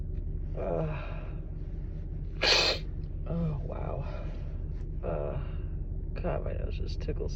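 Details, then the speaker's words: A woman with allergies and a tickly nose sneezing: a sudden, forceful, explosive burst of air with breathy sounds around it. "Oh, I think I have to sneeze again. Oh, wow, that was big. Oh, excuse me, I need to blow my nose again."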